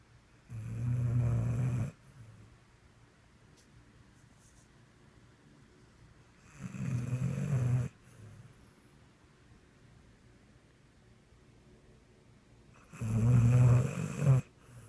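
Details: Snoring pit bull dreaming and twitching in the evening: three deep, rumbling snores about 6 seconds apart, near 10 breaths a minute, with quiet pauses between.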